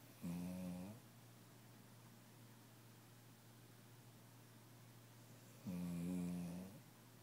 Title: Kirby (vizsla) - Snuggly, sleeping and snoring